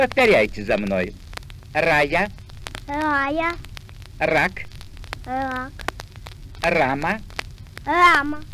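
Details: Russian repeat-after-me words demonstrating a defective 'r' sound, from a 1959 medical encyclopedia record on dyslalia; rhotacism.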